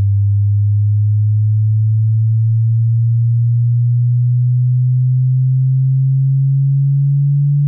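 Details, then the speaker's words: Steady, pure low-pitched tone held throughout, rising very slightly; a hearing-test tone for checking which frequency ranges can be heard, noting people over 25 may not hear every tone. "まず、あなたと一緒に聴力検査をしましょう。聞いて、どの周波数範囲で音が聞こえるかを確認してください。"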